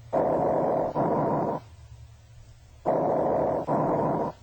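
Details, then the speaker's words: Loud, harsh, hollow, higher-pitched bronchial breath sounds in two cycles, with a brief gap between breathing in and out; expiration longer than inspiration, typically heard over trachea and main stem bronchi. "Bronchial breath sounds are harsher, louder and higher in pitch than vicular sounds. They are often heard over the trachea and main stem bronchi."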